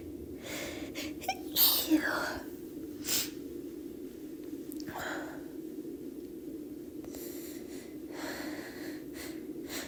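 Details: Woman's deliberately induced sneezes: breathy, gasping buildups followed by a few sharp sneezes in a quiet room.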